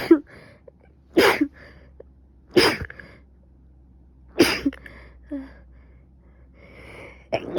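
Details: Three forceful sneezes with sniffing and breathy sounds in a quiet room, from someone who probably caught another cold: stuffy nose, coughing, severe headache and fever after waking.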